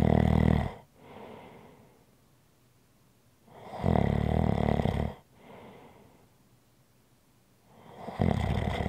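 Deep, rattling snores on each in-breath, about every 4.5 seconds, with softer breathing out in between. Ordinary snoring.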